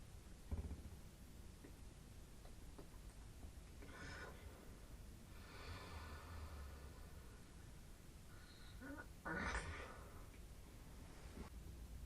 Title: strange noises, laughing during sleep